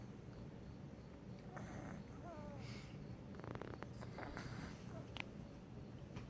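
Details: 10-week-old puppy sleeping and snoring gently: quiet, low rumbling breaths with a brief fluttery rattle and a few small squeaky sucking sounds as he sucks on his tongue.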